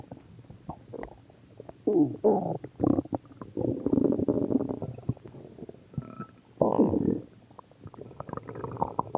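Irregular gurgling and rumbling bursts with bubbly pops between louder stretches; ordinary stomach growling, normal bowel sounds.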